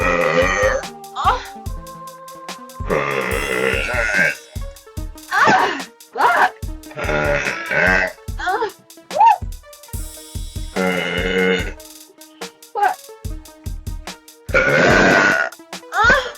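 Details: Several loud, drawn-out burps from a girl with short pauses between them, over background music; burping.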